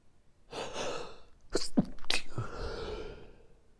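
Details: Late-night sneezing fit before sleep: a quick indrawn breath followed by a rapid burst of three or four sharp sneezes, then a breathy exhale.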